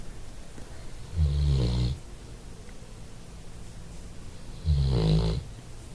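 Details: Dog snoring while resting: two deep, low rumbling snores about three and a half seconds apart over steady room noise; snoring.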